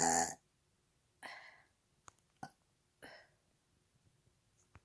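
Several short, throaty burps separated by quiet pauses; ordinary belching.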